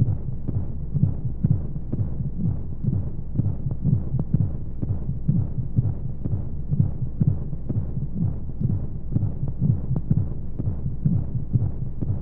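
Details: Womb-sound baby sleep aid with white noise: steady soft low thumps, roughly 60 to 65 paired beats a minute, over a muffled whooshing hum, like a heartbeat heard from the womb.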